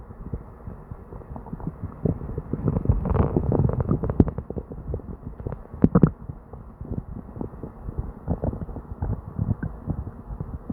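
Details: Person with diarrhea: upset stomach with near-constant gurgling and bubbling rumbles and brief louder pops; frequent, hyperactive bowel sounds.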